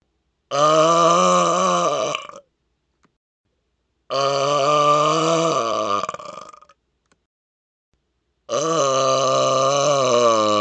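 Three long, loud, deliberate burps, each about two seconds, separated by silence.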